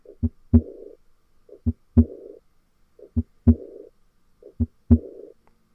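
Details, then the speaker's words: Teaching audio of aortic regurgitation: regular heart sounds at about 42 a minute; after S2 a high-pitched, blowing early diastolic decrescendo murmur fading toward S1, with silence in systole. "so as you can hear you hear the s2 dub then you hear the onset of the high pitched blowing murmur and it gets softer over time until we get back to the s1 lub and then during systole there's silence because this is a diastolic murmur"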